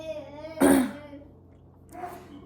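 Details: A single harsh cough from a sick young child at home, with a faint adult voice before it and a softer sound after; cough.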